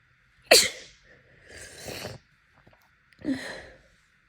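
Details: Seasonal pollen allergy with bloodshot, swollen eyes and a congested nose: one sharp explosive sneeze followed by two wet, congested nose-blowing or snorting bursts. Allergic sneezing.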